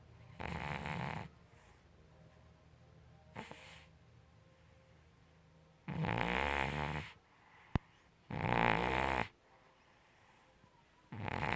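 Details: A cat snoring in its sleep: loud, rough rattling breaths repeating in slow, somewhat irregular bursts with quiet gaps between them.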